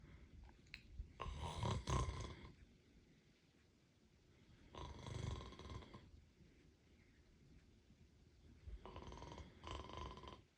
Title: Snoring cat! #pet #cat #catbehavior